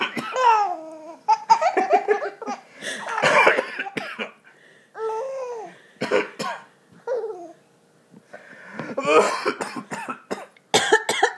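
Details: An adult man coughs in repeated harsh bursts while a young child laughs high-pitched in a small room: a plain adult cough.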